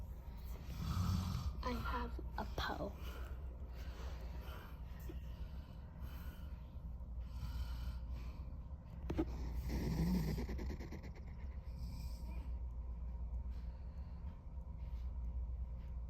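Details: Father snoring on a vacation: low, rough snoring sounds under a steady low background hum, with a brief word and some room noise.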